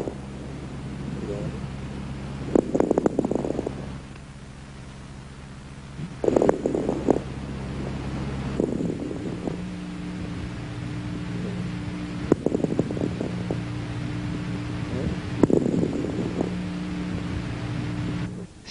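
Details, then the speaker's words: Repeated bursts of fine, dry, velcro-type crackles on each breath, heard in interstitial lung disease and distinct from alveolar-filling crackles. "en las enfermedades del ínter ticio pulmonar se ocultan estertores secos tipo velcro que deben diferenciarse de los crepitantes de ocupación alveolar"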